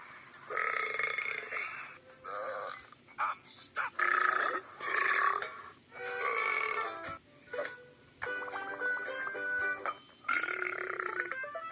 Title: burps compilation 61